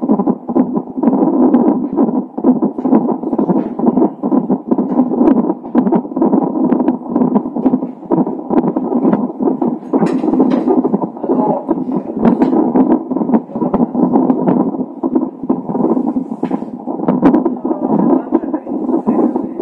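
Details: Fetal heartbeat of a baby with Down syndrome on a Doppler monitor, recorded a few hours before birth: rapid, steady whooshing pulses with a constant hiss behind them.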